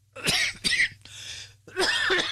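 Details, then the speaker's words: Tired adult who has been in the dust gives three or four harsh, abrupt cough bursts with a short noisy breath between them. "I'm very tired I've been in the dust you can hear me coughing"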